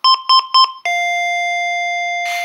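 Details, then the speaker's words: Three quick beeps then a long lower tone: patient monitor advisory alarm with a rainbow sensor when an elevated value flashes in place of SpO2; SpMet advisory works the same way. "There's an alarm tone, an advisory message, and the elevated value starts flashing here instead of the SpO2."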